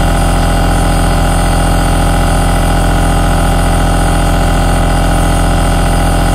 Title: Aerosol noise 3H relaxing sound - ASMR - Noise Lovers